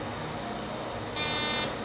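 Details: Fractional laser fires during live resurfacing of a patient's neck, small-dot 0.3 mm channels at smaller spacing: steady hum of room equipment, then a half-second buzzing tone.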